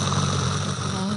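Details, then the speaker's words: Imitated simple snoring: a steady, low rattling snore with continuous airflow and no pauses; it disturbs bystanders but does not affect the snorer's health or sleep quality. "这个声音，这个是一般的打呼，这个表示空气一直有在流通。对，所以这种打呼只会影响旁边的人，对自己的健康跟睡眠品质不会有影响。"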